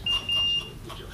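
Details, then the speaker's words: Two high, steady electronic beeps over quiet room noise in a hospital delivery room just after a baby's birth; an equipment alarm beep. "Can I help you? Yeah, there's beeping. Okay, I'll let your nurse know."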